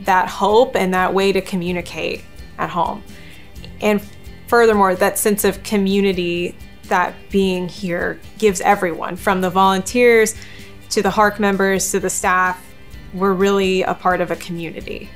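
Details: Adult woman speaking; normal speech.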